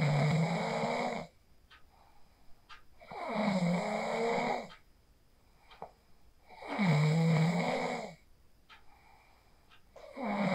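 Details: Regular rattling snores on each breath in, about 18 breaths a minute, with quiet exhalations between, from a person asleep after practising the 4-7-8 breathing technique, recorded on a phone; snoring.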